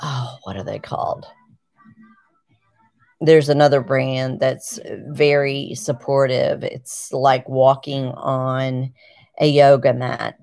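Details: 51-year-old woman with Parkinson's disease and essential tremor, on medication and physical therapy; word loss returned with stiffness and rigidity below her knees; word-finding difficulty.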